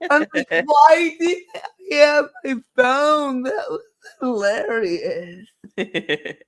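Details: Dysarthria due to cerebral palsy in a female speaker, who states it is why she talks this way and that nothing can be done about it.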